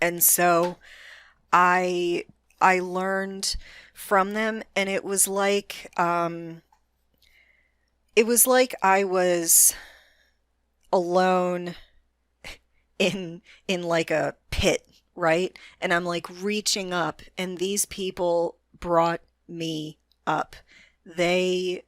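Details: Adult female with a self-reported moderate stutter that she can control most of the time; stuttering.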